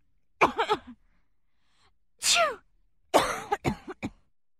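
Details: Adult female: a voiced wind-up and a sharp sneeze, followed by a quick run of several short coughs; a sneeze then a cough, recorded as a sound effect.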